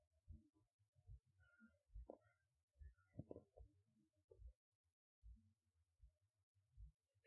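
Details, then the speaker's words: Adult's own heartbeat heard through a stethoscope with its earpiece pressed to a microphone, so quiet: faint, regular low thumps at about 75 a minute with light rustling. "So this is with the stethoscope that you guys got me. The issue is it's so much quieter, and they have to like force the stethoscope ear in to the microphone, and even then it struggles."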